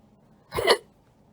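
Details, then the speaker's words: A single abrupt, sharp hiccup against a quiet background, from recurring hiccups the person attributes to a side effect of medication. "The hiccups are back. Yeah, I'll be straight with you. They're from medication. I looked at the side effects, and it happens. It's a common side effect."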